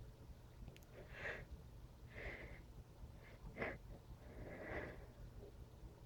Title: couple sneezes